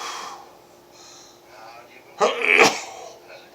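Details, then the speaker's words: Late-night sneezing at about 3 a.m. from a person who says they are dizzy, tired and cold: a quiet indrawn breath, then a sharp explosive sneeze with a short burst after it, in a small room. "These are late night sneezes. It's like 3 o'clock in the morning, and I didn't want to go to bed until I got this out of the way."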